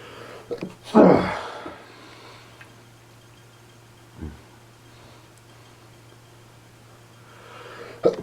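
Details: One loud, explosive sneeze followed by a few softer sniffs in a quiet room, in a person with allergies, dust or pollen suspected.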